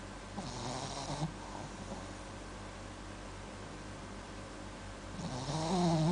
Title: My Dog Sleeping with snoring